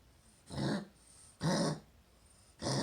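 Three harsh, forceful cough bursts from a dog, about half a second each, with quiet gaps between.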